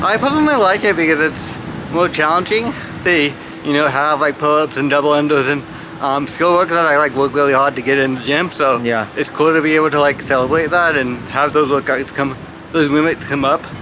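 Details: Adult male adaptive athlete with cerebral palsy from brain damage after lack of oxygen at birth when his heart stopped; speech is among his biggest challenges alongside balance and coordination; dysarthria (cerebral palsy).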